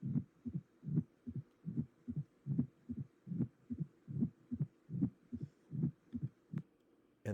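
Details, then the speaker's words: Regular heartbeat about 74 a minute with a distinct first sound and a low rumbling murmur in diastole; a teaching example of a diastolic murmur associated with mitral stenosis. "that's associated with mitral stenosis uh but there are several other reasons for a diastolic murmur that we'll discuss more in class"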